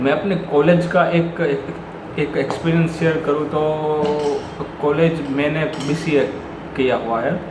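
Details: Adult male who says he is a person who stammers; real stuttering in Hindi speech.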